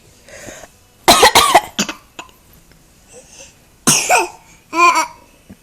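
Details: Young child asked whether she has a "bad cough" says she does and coughs on request: a short run of dry coughs, then two single coughs; voluntary, playful coughing.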